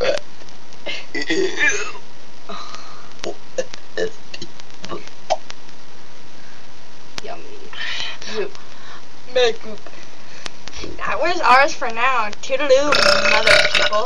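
Short belched sounds mixed with talking, ending in a longer voiced burp; deliberate burping for play.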